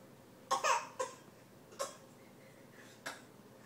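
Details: Young boy playfully fake coughing with his sister: about four short, light, voiced coughs made on purpose in play; voluntary (fake) cough.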